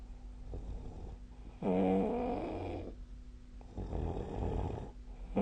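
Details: Sleep snoring recorded with the SnoreLab app: two loud, rough, rattling inhaled snores separated by quieter breathing, with a faint steady room hum.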